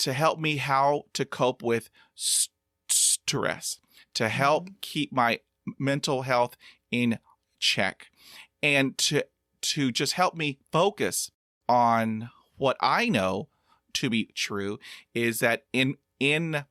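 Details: Stuttering in a 50-year-old man who practises meditation and breathing focus; audible part-word repetitions; stuttering.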